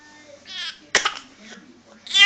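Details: A four-month-old baby girl gives a soft coo, then a single sharp, forced cough-like burst; a deliberate fake cough.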